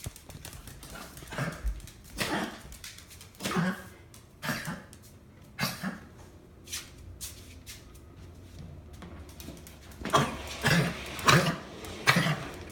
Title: Fergie Wheezing (2)